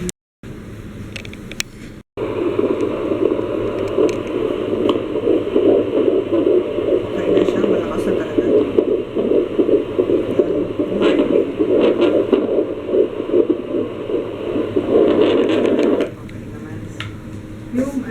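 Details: Fetal heartbeat on Doppler during a pregnant woman's prenatal checkup (she weighs 62 kg, up 2 kg): fast, rhythmic whooshing pulses, about 150 a minute; normal fetal heartbeat.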